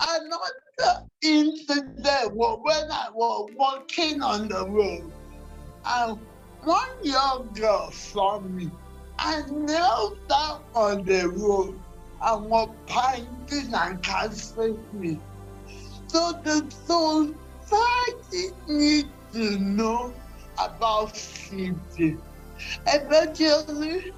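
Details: Dysarthria in a 47-year-old woman with cerebral palsy since birth, which presents through uncoordinated speech.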